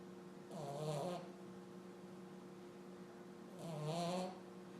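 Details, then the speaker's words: Two rough, rumbling snores on inhalation, about three seconds apart, over a steady mains hum; sleeping hard; snoring. "for somebody a snore somebody likes to snore yeah sleeping hard good night"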